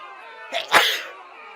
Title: this will happen when you sneeze in 2021 | corona virus vaccine #shorts